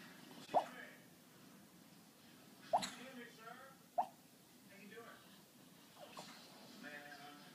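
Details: Chihuahua snoring that sounds like raindrops: sharp dripping pops every couple of seconds with faint, high, whistly tones between them, over quiet room noise.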